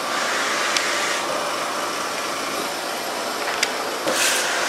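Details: Oxygen humidifier running beside the ventilator of a 25-26-year-old ventilator-dependent man with tracheostomy and an undiagnosed rare disease, tube-fed; steady hissing machine noise with a few faint clicks.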